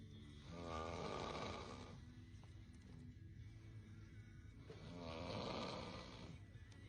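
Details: Sleeping man snoring: two long, rough, rattling inhaled snores about four seconds apart over faint background sound; ordinary snoring.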